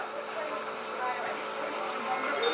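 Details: Baby's first nebulizer treatment for congestion: steady hissing rush of a running nebulizer, with faint voices in the room.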